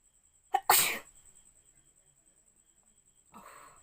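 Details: Sneezing challenge: one forceful sneeze, set off on purpose by tickling the nose with hair, with a short in-breath before it and a faint steady high background tone.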